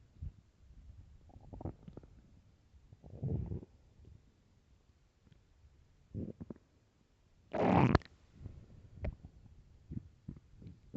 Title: really loud stomach growls